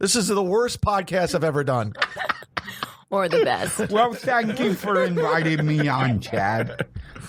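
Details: Adult speakers in conversation, possibly two voices; Normal conversational speech.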